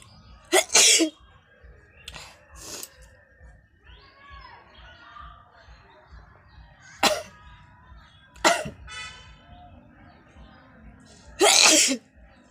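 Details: Five loud sneezes with sniffing and breathy sounds between them, in a small room, from a woman feeling unwell, leaving her eyes watering; sneezing.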